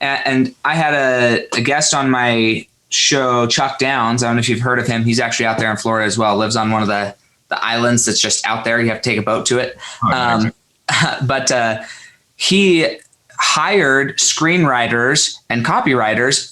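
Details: Adult male speaker; conversational speech.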